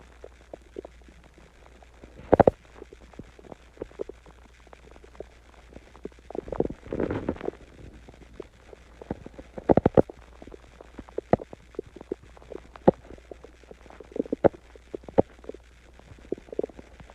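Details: Irregular gurgles, squelches and brief rumbles against quiet room noise; stomach growling (borborygmi) after eating Chinese food and drinking water.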